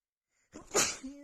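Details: Sneeze during a nonstop rapid sneezing fit after feeling sneezy all day: a single forceful sneeze with a quick in-breath before it and a short voiced tail after.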